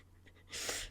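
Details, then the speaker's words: Female adult streamer's sneeze: a soft intake followed by a single quick, hissing burst of air. "I don't know why I paused the music to sneeze I don't know why I didn't"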